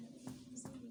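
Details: Posterior chest percussion comparing notes: a dull note in the right infrascapular spaces (8th and 9th) compared with a resonant note elsewhere.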